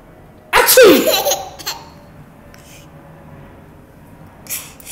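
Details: One loud, sharp sneeze in a quiet room, followed by an infant's brief giggle.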